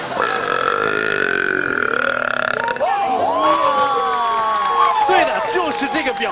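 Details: Compilation of a man's deliberate burps: long, loud, voiced belches with changing pitch, drawn out over several seconds, with a crowd cheering behind; burping.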